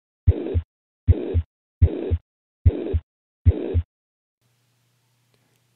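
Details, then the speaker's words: Teaching example of a high-pitched heart murmur: five heartbeats near 75 a minute with a high-pitched hissing murmur filling the gap between the two heart sounds. "here's an example of a high-pitched"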